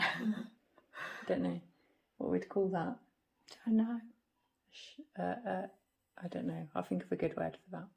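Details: Non-fluent aphasia with word-finding difficulty in a woman after a stroke at age 46; halting speech with word-finding pauses.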